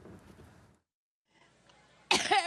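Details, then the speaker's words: A woman during an Ohio campaign speech with repeated coughing: faint room sound and a pause, then one sudden loud, harsh, partly voiced cough. "지금 보신 것처럼 기침이 계속 나니까이 기침이 트럼프 때문에 두드러기가 나서 기침이 나는거다 이런 식으로 사실 트럼프에 대한 인신 공격으로 사실 피해 가기도 했는데요"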